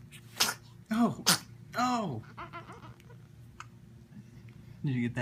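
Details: One-day-old newborn boy with hiccups after eating: several short, sharp catches of breath, a few in quick succession, with a steady room hum.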